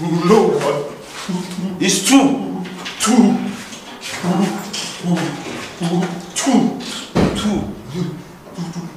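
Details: Acted stuttering by a male actor playing a stammering customer character in a comedy skit; stuttering (acted).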